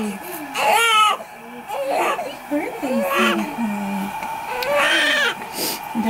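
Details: Newborn baby boy's high, strained bursts of crying mixed with brief adult voices just after birth, following labor with a failed epidural; newborn cry.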